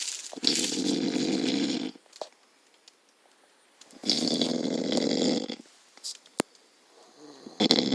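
Two long, loud rasping snores with quiet gaps and a few clicks between them; heavy snoring.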